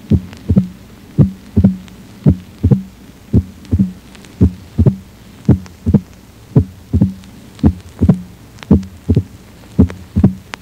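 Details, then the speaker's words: Simulated heart sounds of rheumatic mitral stenosis at about 56 a minute. A short, sharp mitral opening snap falls 0.06–0.10 s after A2, best heard at the left 4th intercostal space by the sternum, with intensity raised and lowered. "Isto é o estalido de abertura aumentarei e diminuirei a intensidade do estalido a fim de torná-lo mais Evidente o estalido de abertura da válvula mitral ocorre entre 6 e 10 C de segundo após a segunda bolha aórtica"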